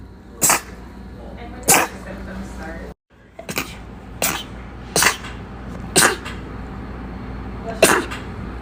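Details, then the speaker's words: Rapid sneezing bout: seven short, sharp sneezes in quick succession over about eight seconds against steady room noise. "watch me sneeze for three minutes straight"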